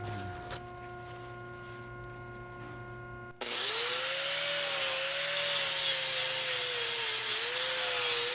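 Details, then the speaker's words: Bull with a swollen foot, soft-tissue infection treated with antibiotics, joint infection feared: low machine hum then steady high-pitched power-grinder noise freshening the edges of his very wide hoof before gluing on a hoof block. "right now I'm going to just I'm going to prep the hoof for the uh for the hoof block okay we're putting it on this one so basically we're going to just kind of freshen the edges up and"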